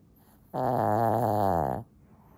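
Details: Shih Tzu snoring while asleep: a single loud, drawn-out rattling snore from the small dog, lasting over a second.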